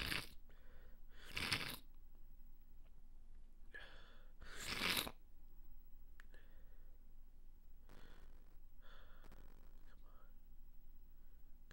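Several short, muffled, held-back sneeze bursts with sniffing and breaths between them; repeated stifled sneezing with a congested nose.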